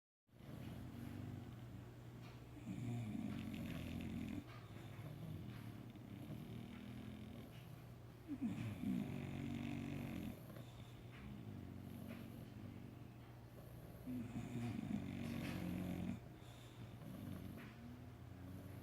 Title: Puppy snores